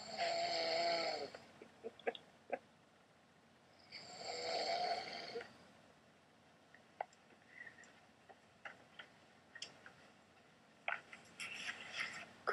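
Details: Adult husband snoring in sleep, possibly after drinking: two loud, rattling inward snores about three seconds apart, then quieter clicks and mouth noises in a small room; ordinary snoring.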